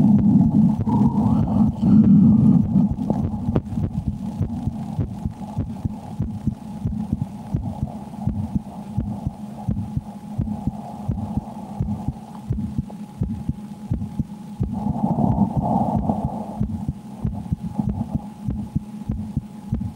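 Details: Woman's heartbeat through a stethoscope while she plays a Slender Man horror game, changing with her fear; rapid, steady thumps over a constant low hum.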